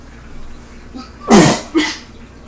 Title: Never hold in a sneeze